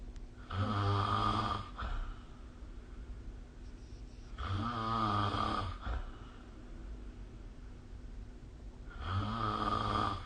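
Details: Adult snoring recorded with the SnoreLab app: loud, low rattling snores on each breath in, about every four seconds, roughly 15 breaths a minute, with quieter breathing out between.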